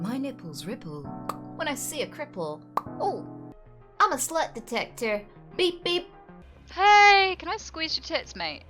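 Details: Female streamer with Tourette syndrome whose speech is repeatedly interrupted by involuntary blurted phrases and swear words, which she says she cannot help, even in public. Tourette syndrome vocal tics (coprolalia).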